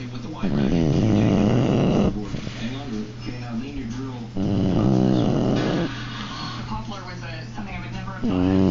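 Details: Dog snoring: loud, rumbling, vibrating snores on each breath, about 16 a minute, with a softer sound between them.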